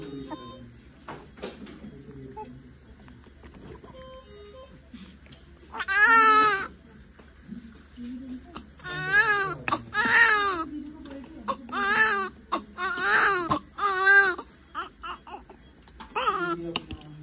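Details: Newborn babies after birth: repeated short, high wailing cries in bursts with soft room noise between them; normal newborn cry.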